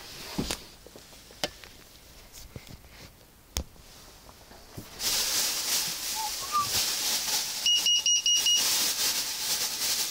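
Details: Scattered handling clicks and room hiss, then a quick run of high electronic beeps from a syringe pump (Perfusor) alarm during a device demonstration.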